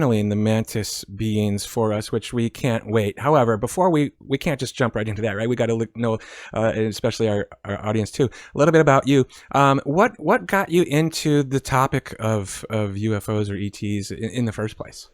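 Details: Adult man speaking; typical speech.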